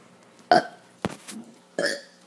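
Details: Deliberate burping done on camera by an uploader: three short, throaty bursts in quick succession, each an abrupt voiced release of swallowed air.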